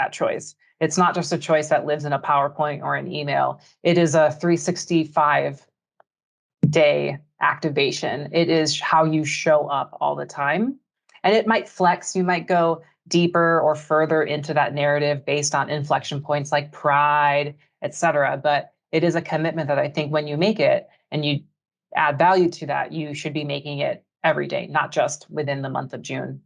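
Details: Adult speaker; ordinary speech.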